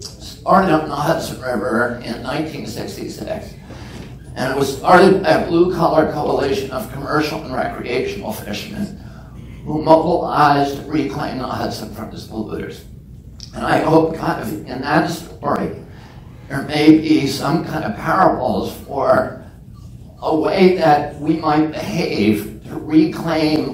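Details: Adult man with spasmodic dysphonia, which he calls spasmodic dystonia, that makes his voice tremble. Onset at age 42 after a previously strong voice. He says it lessens or goes away after speaking a while. Real speech.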